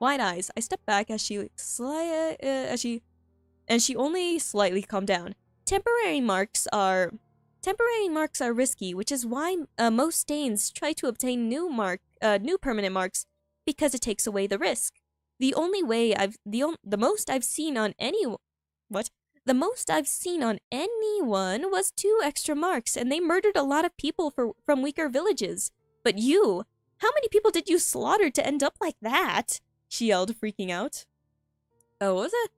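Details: Stuttering in a female streamer who says she stutters a lot and finds reading difficult, heard while reading her own story aloud; this stretch contains repeated words and phrases.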